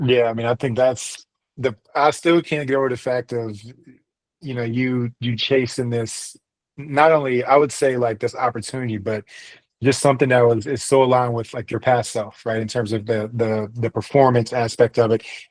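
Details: Adult male speaker; Typical conversational speech.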